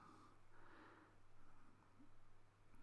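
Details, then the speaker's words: Steady low hum with soft, shifting suction whoosh during endoscopic microsuction removing soft wax from around the bottom edge of the eardrum in the ear canal; ear wax microsuction. "Okay, now when we take a look at the eardrum, you can see there's some wax around the bottom edge there of the eardrum. So just clearing away some on the way down."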